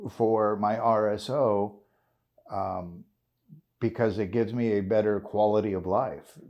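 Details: 56-year-old man with essential tremor, which he calls a form of Parkinson's, causing voice tremor, involuntary body jerks and hand and foot tremor; RSO cannabis oil user; voice tremor (essential tremor).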